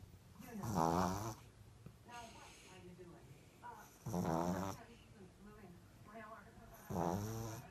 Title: Laila The Pug sleeping and snoring ( so funny )